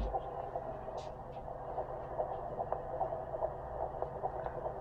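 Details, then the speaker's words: Fetal heartbeat at 15 weeks of pregnancy found by midwife with Doppler, mother with PCOS, baby still low and small: rapid rhythmic whooshing pulses over static, about 145 a minute, normal. "You hear that? That's baby. And so that's awesome that we heard the heartbeat."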